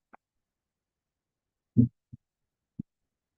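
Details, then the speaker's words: Normal heart sounds of a healthy heart: soft, low thumps in near silence. The first sound is blood against the closed AV valves; the second, louder sound is blood against the semilunar valves. "So we're thinking the first sound is the AV valve, right? So blood hitting against those closed AV valves. The second louder sound is blood hitting the semi-lunar valves."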